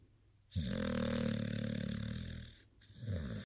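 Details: Sleeping, cuddling blue-nose pit bull snoring: a loud, rattling, fluttering snore on a long breath, then a second snore starting.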